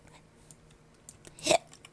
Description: Almost exactly one minute of hiccups, but this time including birthday hiccups as well as regular hiccups! ♡